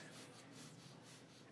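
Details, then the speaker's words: Fast, forceful breathing with rushing airflow in quick repeated surges as a man deliberately hyperventilates on request while capnography shows exhaled CO2 dropping from 32; heart rate 70. "do me a favor start breathing really fast hyperventilate watch this number everyone see how is dropping he's hyperventilating he's blowing out all of his carbon dioxide"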